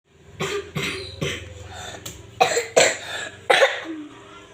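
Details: Cough during a home barongan video: six sharp cough bursts in quick succession over about four seconds, with a steady low background hum.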